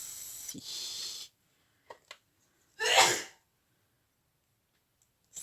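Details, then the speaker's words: A single sharp sneeze from a child, after brief rustling and quiet room noise. "c'était ma filiation d'éternuer si jamais vous avez entendu"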